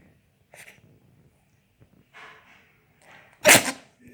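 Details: Quiet room with soft small sounds, then one sharp, explosive burst of air: a single sneeze from a cat.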